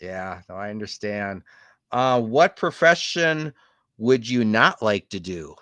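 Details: Adult male interviewer; Normal fluent speech.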